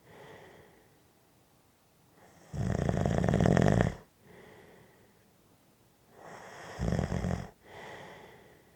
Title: Snoring Audio Clip 5 Minutes Black Screen